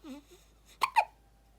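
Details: Newborn girl, one day to one week old: small vocal sounds followed by two sharp, abrupt hiccups in quick succession; ordinary newborn hiccups.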